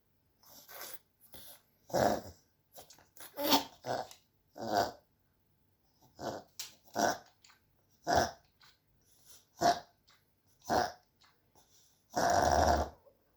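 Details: Repeated snorting, snuffling bursts from a pug, about a dozen in a row; sneezing or reverse sneezing.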